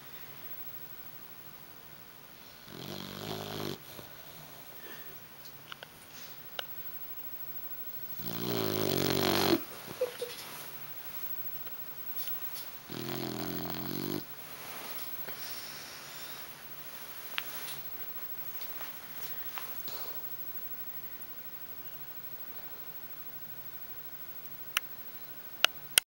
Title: snoring.AVI